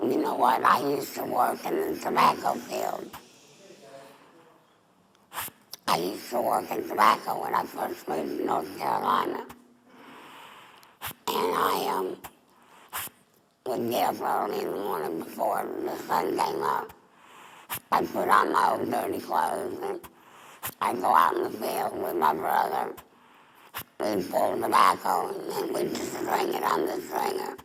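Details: Adult woman, former smoker, with squamous cell cancer of the mouth then larynx; total laryngectomy with neck stoma, speaking through an esophageal voice prosthesis: tracheoesophageal speech after laryngectomy.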